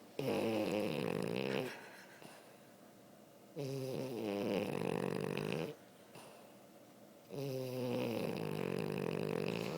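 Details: Male, very tired and sleeping, snoring: three long, loud, rattling snores about every three seconds with quieter breathing between them, no clear wheeze.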